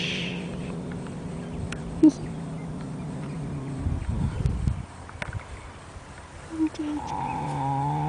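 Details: A Standardbred horse snores during a deep afternoon nap: a low, drawn-out rumbling breath, then a rough, fluttering exhalation, with a brief tonal call at the end.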